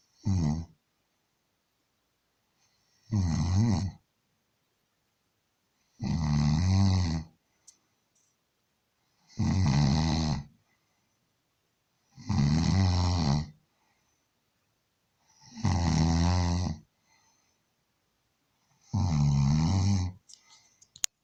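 Loud, rumbling snores recur steadily, each a deep rattling breath separated by quiet pauses.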